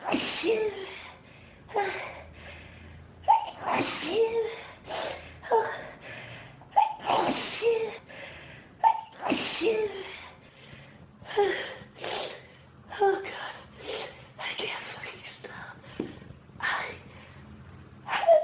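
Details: Adult with pollen and dust allergies since about age 14, dust-triggered sneezing fit: long run of repeated sneezes with gasping in-breaths between them, described as intense; allergic rhinitis.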